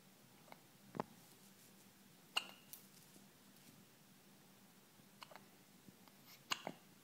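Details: 2-day-old with hiccups: a few short, sharp hiccup-like clicks at irregular intervals, about four in seven seconds, in a quiet room.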